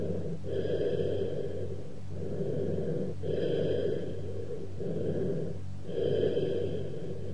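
Low, hollow, blowing breath sounds with loud expiration and short pauses between phases: cavernous bronchial breathing.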